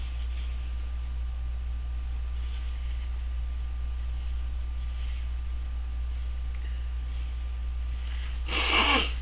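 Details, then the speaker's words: A single sharp, explosive adult sneeze that the person tried to hold back, after faint breaths building up in a quiet room. "a sorry I tried to hold that one back well I guess that's it for now"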